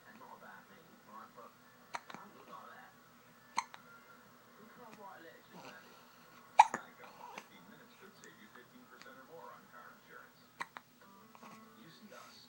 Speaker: hiccups. Someone has hiccups.